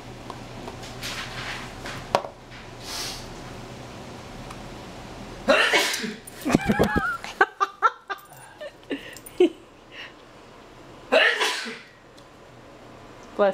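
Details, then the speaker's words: Two sharp, explosive human sneezes in a quiet room, with clattering as a dog playing with his frisbee is startled and scrambles in between; sneezing. "Bless you. Thank you. Come on, go back to your activities. Frankles. It's just sneezing. Bless you."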